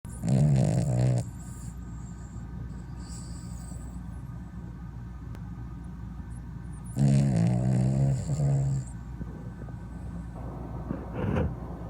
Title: snoring dog